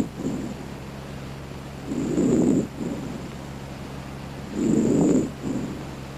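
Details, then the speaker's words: Normal laryngotracheal (tracheal) breath sound auscultated: harsh, hollow breathing with loud expiration about as long as inspiration. "Entre los hallazgos normales se ausculta el soplo o respiración laringotraqueal."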